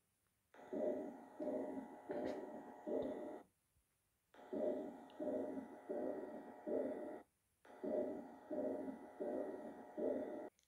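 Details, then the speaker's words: Regular heartbeat near 85 per minute with a rough whooshing murmur filling mid-systole: mid-systolic murmur. "these murmurs are typically produced by emptying of the high pressure ventricle during systole into chambers that have lower pressure at that time"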